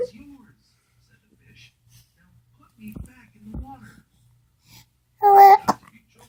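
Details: Infant babbling interrupted by short, sharp hiccup catches, with a brief louder vocal burst near the end; ordinary, harmless infant hiccups.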